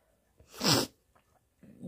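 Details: Single sharp, explosive sneeze with a brief intake of breath before it, then faint rustling and breathing, during a sneezing and nose-blowing challenge.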